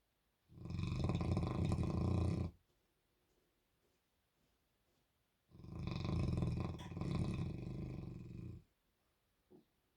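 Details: Bernese Mountain Dog sleeping and dreaming with tongue out: two long, loud, deep rumbling snores, each two to three seconds; harmless snoring during sleep.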